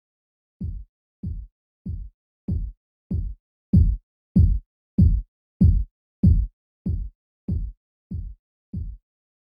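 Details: Simulated Korotkoff sounds for blood pressure reading practice: fourteen regular low thumps at about 95 a minute, swelling louder then fading as the cuff deflates.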